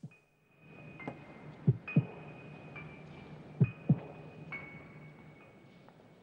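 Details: Simulated paired heartbeat thumps, slow and spaced, over a faint steady tone, ending in music; illustrative accentuated second heart sound, described with blood pressure 170-180.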